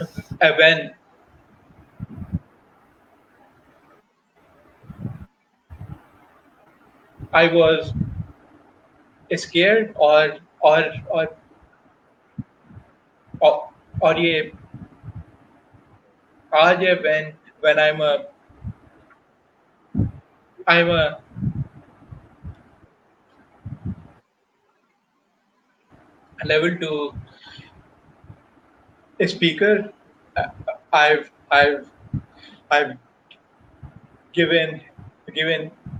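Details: Adult male professional who stutters, speaking Hindi/Urdu while telling his life and career story; stuttering.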